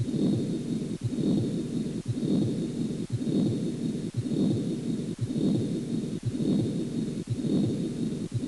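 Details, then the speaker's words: Patent ductus arteriosus: continuous murmur occupying systole and diastole without interruption. "el soplo continuo son aquellos que ocupan sístoles y diástoles sin solución de continuidad ejemplo persistencia del conducto arterioso ducto"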